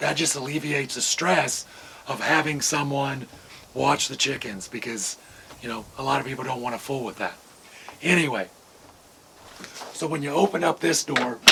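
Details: Adult man with vocal cord paralysis from surgical nerve damage in the throat, possibly temporary, making talking hard; vocal cord paralysis.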